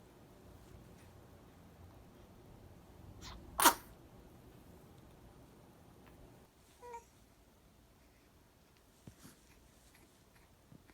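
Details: One-month-old baby boy: one sharp, brief sneeze burst in a quiet room, followed by a few faint small sounds.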